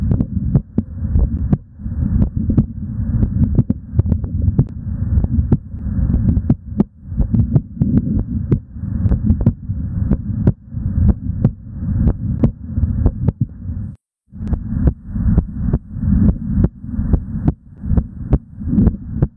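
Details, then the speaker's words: Normal heart sounds recorded live with a digital stethoscope during exercise: fast, regular lub-dub with clear first and second sounds and no murmur, faster than at rest; exercise-related tachycardia. "that was the hot sound during exercise so you can tell that those that hot Sun was a lot faster then till you're resting hot Sun"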